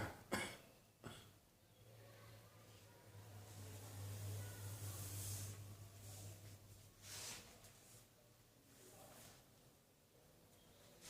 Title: Cross Dressing Coughing 18